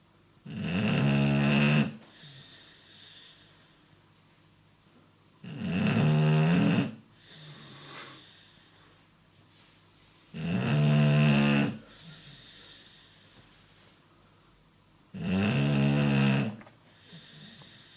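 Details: Beagle snoring really loud: loud, regular rattling snores on each in-breath, about 12 a minute, with quiet exhalations between them; snoring.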